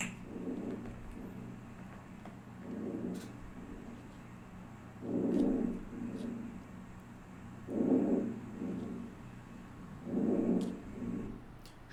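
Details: Vesicular breath sounds.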